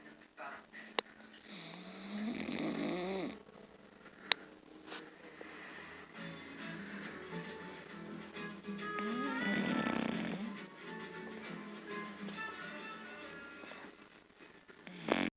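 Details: Soft, rough snoring breaths a few seconds apart during sleep, with background music; snoring.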